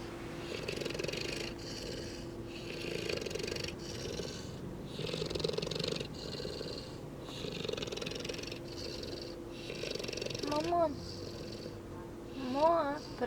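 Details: St. Bernard dog snoring while asleep: slow, regular rasping snores, about six breaths a minute, with a soft whine near the end.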